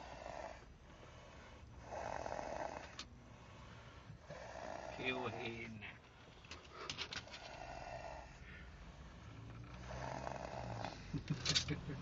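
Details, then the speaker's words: Person in deep sleep while travelling: rough, rattling snores with each breath, about every two to three seconds, over room noise and bits of nearby talk; heavy snoring. "veremos en est instantes como el chinito ronca ronca cuál borracho cuál borrach resaqueado escuchen"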